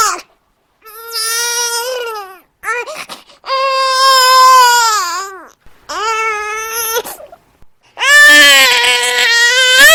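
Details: A newborn cries in five rising and falling high-pitched wails with brief gasping breaths between; sound-effect recording, possibly hungry; ordinary infant crying.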